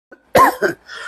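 A single forceful acted cough from an adult, with a small follow-up burst.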